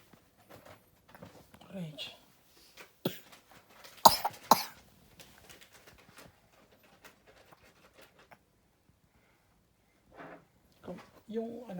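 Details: Coughing child, with a temperature of 35.6 mentioned; cough.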